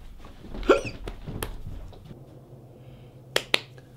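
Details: Acted, not real, hiccup by a man in a comedy sketch: a sharp voiced hiccup with a sudden catch of breath, then quieter clicks, with faint room noise: hiccups.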